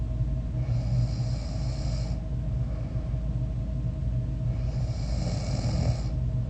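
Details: A person's own snoring recorded during sleep: two long, low, rattling snores on inhaled breaths with a quieter pause between, over steady room hum; snoring.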